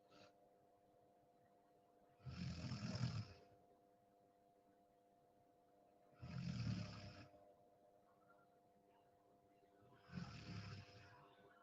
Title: Deep sleep 😴 sound on 😁 snoring sound 🤣 #deepsleep #sleep #sleeping #snoring #room